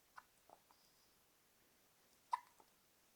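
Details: Twins hiccuping, several small quiet hiccups in a quiet room, one louder than the rest.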